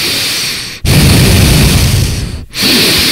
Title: Daily Life of the Heavy Breathing Cat